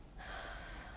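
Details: Child taking slow breaths with mouth open, chest auscultated with a paediatric stethoscope diaphragm: soft, steady rush of air after a brief quiet moment; normal breath sounds.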